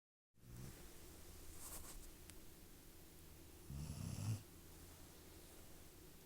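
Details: Sleeping cat snoring: low rumbling breath noise with one louder, rougher snore midway, quiet room.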